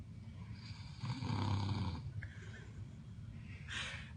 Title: Snoring chainsaw